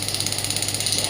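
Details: Pneumatic radial extracorporeal shockwave therapy device (0.5–12 bar range) run on the operator's hand at a low setting of about 4–6 bar: fast, even rattling pulses over a steady hum; radial shockwave device firing.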